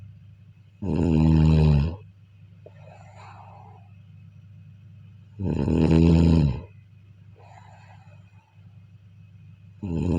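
Loud, low, rattling snores on inhalation, each followed by a soft breathy exhale, about 13 breaths a minute; ordinary snoring.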